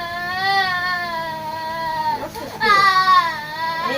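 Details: Loud, sustained crying with a brief catch for breath and then a renewed wail from a young nursery-school child during ear piercing; a pain cry.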